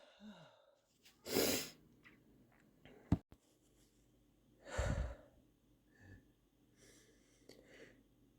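Two strong, wet, sniffly sneezes with sniffing between them, in a quiet room.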